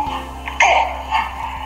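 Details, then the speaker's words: Croup: harsh, abrupt barking cough likened to a dog or seal, heard over soft background music, illustrating the typical barky cough of croup. "so croup is basically an illness where your child gets a very barky cost they sound like a dog or like a seal it may sound a little bit like this"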